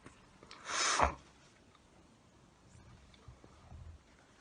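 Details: Sneezing and nose blowing: one sharp sneeze burst followed by quiet snuffling and small nasal noises.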